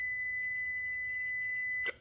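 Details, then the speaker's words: Automated external defibrillator demonstration: steady high electronic tone ending in a brief click as the shock is delivered, then the voice prompt "Shock delivered. Be sure emergency medical services have been called. It is safe to touch the patient." "Shock delivered. Be sure emergency medical services have been called. It is safe to touch the patient."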